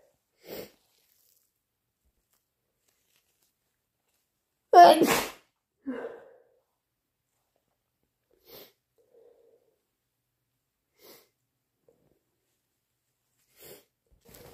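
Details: One loud, forceful sneeze with quieter breaths and sniffs around it in a quiet room, from someone with a bad cold who deliberately induced the sneeze.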